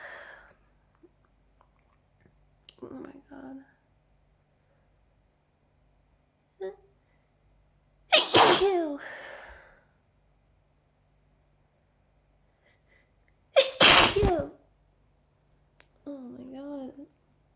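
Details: Allergy sneezing fit in a person complaining of an itchy mouth: two forceful explosive sneezes, each with a voiced cry, about five seconds apart, amid brief sniffs and murmurs.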